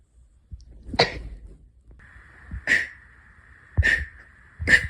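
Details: Sneezes numbered 31–40 in a series: several sharp explosive bursts with a steady tone in the background; a run of sneezes.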